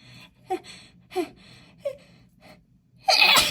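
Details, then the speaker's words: Woman sniffing lavender bath essence, nose tickly: several sharp catching gasps build up, then one loud explosive sneeze; sneeze. "Oh, I think I'm gonna sneeze, you know. I think I'm gonna sneeze. Oh, I told you it made me feel very sneezy."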